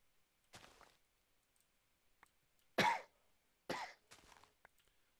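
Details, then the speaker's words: Four short, dry adult coughs with quiet gaps between them, heard during a gaming voice chat; another player then asks about wheezing and coughing. "Are you wheezing and coughing and wheezing?"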